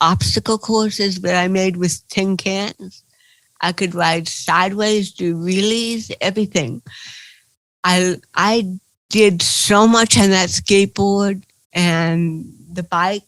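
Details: Dysarthria in an adult woman with cerebral palsy.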